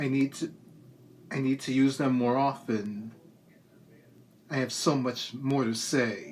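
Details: Adult with a lifelong speech impediment from diagnosed cerebral palsy, persisting despite years of speech therapy through elementary, middle and high school; hesitant words that start and stop; dysarthric, halting speech (cerebral palsy).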